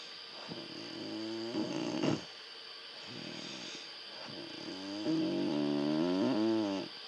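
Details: Loud, drawn-out snoring with a rattling, buzzing tone, fading in and out over steady room hum, going on all night.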